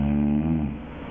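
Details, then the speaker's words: Palatal snoring, the first of four snoring sound examples: a low, fluttering snore with a steady buzzing tone from soft palate vibration near the uvula. "Hocam bu yumuşak damak tarzı bir horlama yumuşak damaktan gelen doğrulama"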